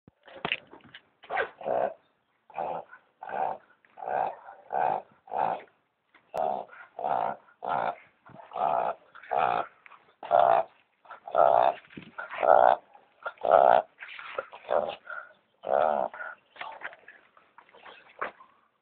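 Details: A Boston Terrier with hayfever after running through weeds and brush gives about eighteen short, forceful snorts and sneezes in a row, trying to clear nasal irritation.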